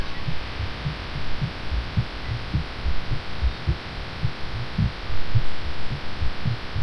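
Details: Heartbeat shared over Skype late at night by a sick person feeling funky after cough medicine: low, muffled thumps with uneven spacing over a steady hum, plus faint keyboard tapping; feels irregular.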